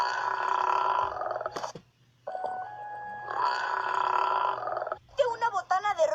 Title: Burps compilation 46